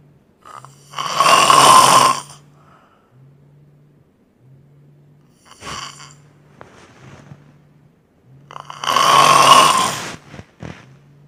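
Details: Man sleeping at an event, snoring louder than a phone alarm: two loud, harsh rattling snores about eight seconds apart, quieter breaths between, over a steady low room hum; heavy snoring.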